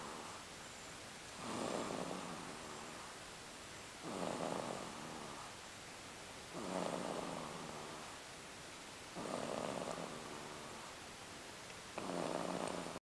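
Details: Snoring: five rough, fluttering breath noises at regular intervals, about 23 a minute, over steady background hiss; recording is quiet.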